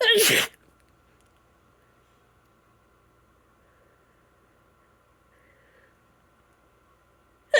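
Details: Allergy sneezing in a woman, itchy: one loud, sharp sneeze burst, then quiet room noise, and the start of another sneeze at the very end.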